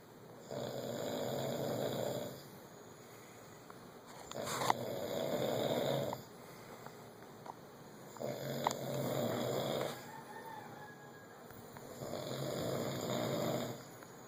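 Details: Snoring in St. John: loud, rough snoring on each breath in, about 17 breaths a minute, with quiet breaths out between.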